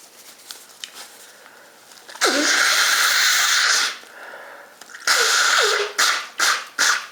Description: Request. I induce sneeze and blow my nose not honking.